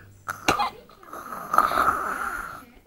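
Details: Various kinds of snoring sounds.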